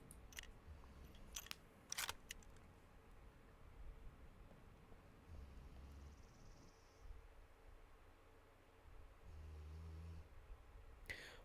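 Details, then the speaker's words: Female dog snoring while asleep nearby: low, buzz-saw-like snores recurring about every four to five seconds behind room noise and clicks. "I don't know if the microphone is picking it up, but my dog is snoring in the background. So if you guys can hear that buzz saw noise, I apologize."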